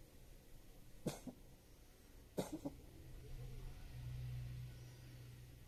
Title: Cough(cat) 猫の咳